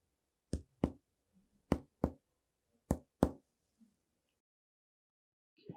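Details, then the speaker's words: Chest percussion in a physical-exam lesson on the respiratory system, demonstrating the normal clear lung note: paired hollow taps repeated three times, a resonant percussion note over healthy lung. "vamos observar o som Claro pulmonar então eu peço que você agora já esteja escutando aula com os fones de ouvido e aumenta um pouco som para a gente poder te atentar ao som Claro com Leonardo o som Claro pulmonar e E aí"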